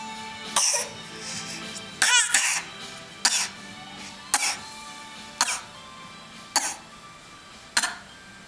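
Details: Young child giving about seven short, breathy, deliberate fake coughs roughly a second apart, with talking and background music: voluntary cough.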